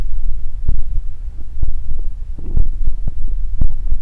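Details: Close-up stomach growling recorded for body ASMR: deep, irregular gurgling and rumbling with soft thuds, ordinary borborygmi.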